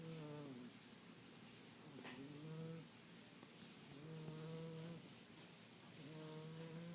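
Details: Female snoring, owner jokes she needs a CPAP: regular droning, moaning snores about every two seconds, roughly 29 a minute, with a strong tonal hum on each breath.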